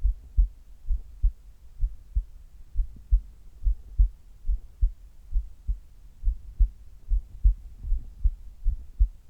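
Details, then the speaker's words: Heartbeat recorded while the person does sit-ups (abdominal crunches), after a resting recording: quick, strong low thumps as the heart works harder with exertion; heart sounds during exercise. "今日は腹筋をしている時の心音を取っていきたいと思います。"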